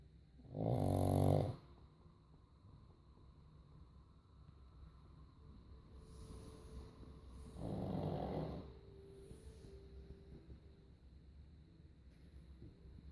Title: パグのいびき Snoring of the pug